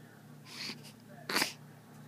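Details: Two quick, sharp, hissing bursts, the second louder; small sneezes.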